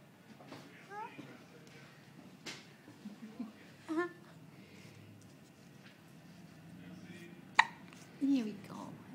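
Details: Newborn hiccuping while being bounced by a parent: soft, brief catching sounds recur every second or two, with faint room noise and a quiet adult voice; hiccups, described as louder than expected for a newborn.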